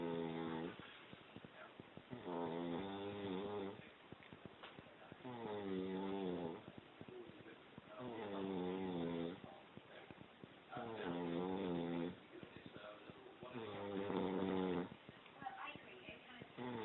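Loud, rattling snores about every two and a half seconds, roughly 22 a minute, with quieter breathing between them.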